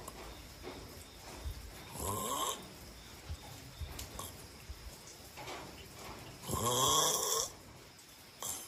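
Snoring breaths with harsh, buzzy, fluttering inhalations, the longest one loud, with quieter breathing between. Ordinary snoring in sleep.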